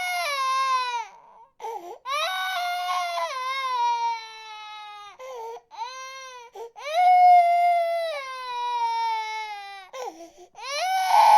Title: Baby Cry Long - Free Sound Effects For Youtube Videos No Copyright (HD)